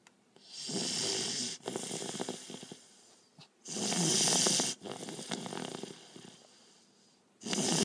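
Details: Loud, rough snoring in cycles, about 18 breaths a minute, with uneven snorting breaths in between, during an afternoon nap under a chair in an office.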